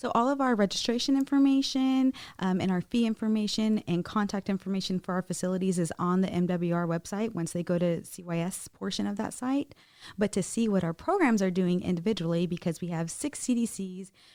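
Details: Adult woman speaking; normal speech.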